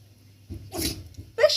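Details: Baby wild fox sneezing while eating cherries: a single short, sharp, snort-like burst, a sneeze.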